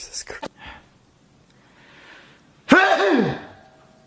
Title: sneezing ❤